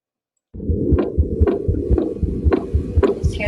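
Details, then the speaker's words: Heart sounds: fast, regular heartbeat with soft extra noise between beats; innocent heart murmur. "this is just innocent murmur just sometimes kids have murmurs"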